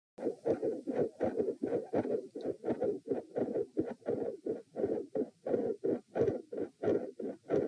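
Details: Fast, repeating heart cycles, recorded lying down at position p during attempted Valsalva manoeuvre: loud, bouncy midsystolic murmur mid-beat, with occasional extra sounds (3 or 4 sounds per cycle).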